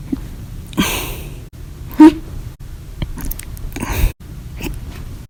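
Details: Person with prolonged hiccups lasting hours after lunch and after drinking soda with dinner: abrupt, sharp gulping catches about once a second, some loud and some faint, over quiet room noise.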